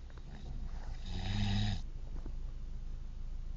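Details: One loud, low, rattling snore from a sleeping father over steady room noise.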